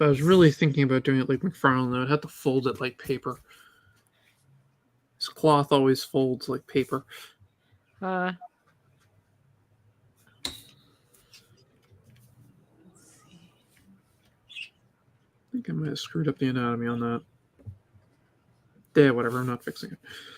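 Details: Adult man speaking; typical speech.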